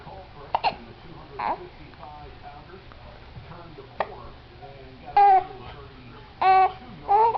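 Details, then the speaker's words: Baby boy who often gets hiccups, hiccupping while babbling: short, sharp catches in the throat at irregular intervals among soft babbling and whimpers; infant hiccups. "You got the hiccups, buddy? Hey. Hey. Oh. Oh, poor fella."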